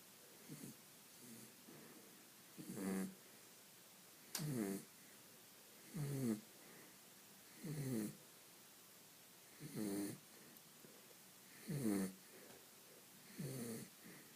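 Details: Pet dog snoring: rhythmic rattling snores about every two seconds, roughly 30 a minute, in a quiet room during sleep.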